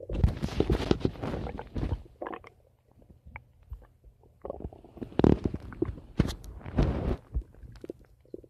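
Low gurgling and popping rumbles in bursts with quiet gaps between; ordinary stomach rumbling from moving gas and fluid in the gut.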